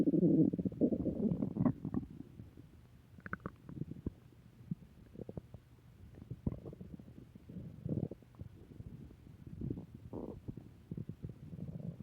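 Low gurgling and rumbling with irregular bubbling bursts; ordinary stomach growling from gas and fluid moving through the gut.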